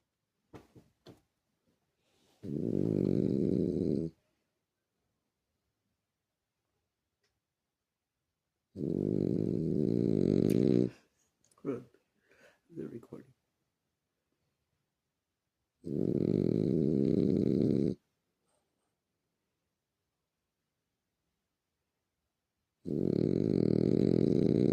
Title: Sleepy dog. Snoring